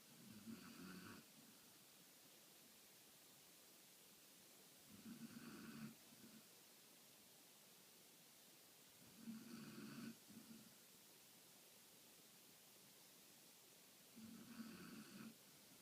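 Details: Soft, regular rumbling snores, about 14 a minute, with quiet pauses between breaths: snoring.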